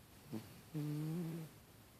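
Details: A cat snoring: a brief soft sniff, then one drawn-out, low, buzzing breath with a faint whine.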